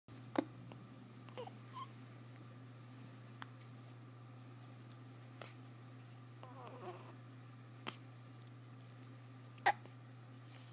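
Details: Hiccups: several brief, sharp, spaced catches of breath over a steady room hum.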